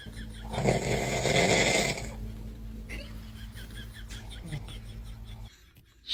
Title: Snoring Dad and Baby